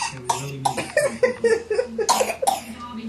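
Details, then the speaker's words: Young boy gives a quick run of short, light, mostly deliberate fake coughs on request. "can you do some fake coughs for us"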